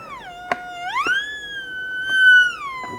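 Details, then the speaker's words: RespAlert breath monitor for animals, with a diode sensor tip, held to a person's nose: a gliding, theremin-like tone rising and falling with each breath. "So if I don't breathe, and we'll let this run to 10 seconds, we'll see what happens. The alarm goes off."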